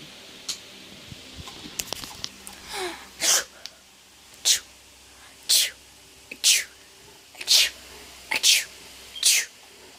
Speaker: I can sneeze with my eyes open here.